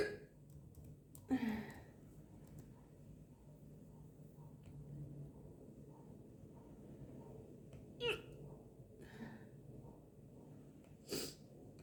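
Three brief, abrupt catching sounds spaced several seconds apart over quiet room hum, fitting hiccups.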